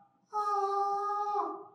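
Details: Puberphonia in a male: high-pitched, female-sounding voice persisting after puberty (expected change around 12–14 years) instead of deepening; on the phone he is taken for a woman; demonstration of the puberphonic voice.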